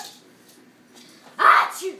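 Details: Child (brother) sneezing, making a baby giggle: a single sharp sneeze, followed by a brief high voice sound, after quiet room noise.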